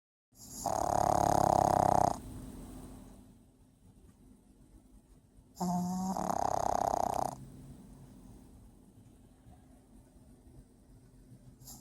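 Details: Two long, loud, rattling snores about four seconds apart, deep and throaty like a person's, from a little sleeping pet; heavy snoring.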